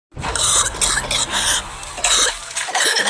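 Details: Rhythmic cough.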